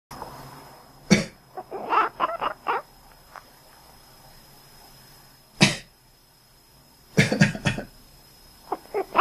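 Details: Several sharp single coughs from an adult, each followed by short, clipped quack-like calls from a cat in a quiet room.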